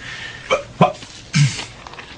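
Three brief, abrupt throaty yelps, hiccup-like, in a quiet room: an acted vocal tic of Tourette syndrome.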